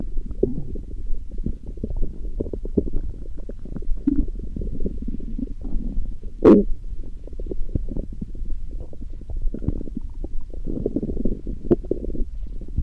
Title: Stomach growling, Урчит в животе